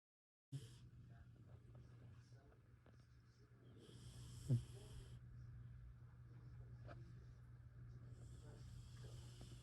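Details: Sleeping pet cat snoring at night, said to snore louder than the owner's husband: a soft, steady low rumble of breathing with a faint snort near the middle.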